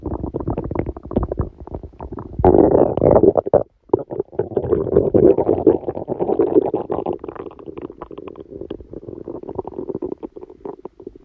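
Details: Prolonged, irregular low gurgling and rumbling with bursts of louder churning: active bowel sounds during a stomachache after Christmas dinner, recorded while the person slept.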